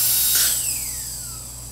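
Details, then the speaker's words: Rebuilt DCI disc-style dental foot control being tested: on abrupt release of the foot control, a burst of exhaust air hisses as the handpiece's high whine spins down and the burr stops promptly; normal handpiece shutoff. "when we let off the foot control suddenly and abruptly we should hear an exhaust and the burr should stop"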